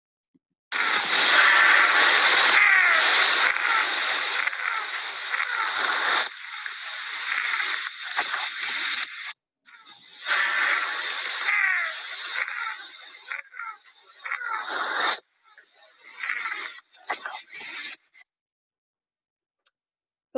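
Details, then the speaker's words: A patient's recording of objective pulsatile tinnitus, about 17 seconds long, no diagnosis given: harsh, rushing whoosh in uneven surges with brief gaps. "so as you can see um some variation in in the pitch of the sounds um they really run the gamut"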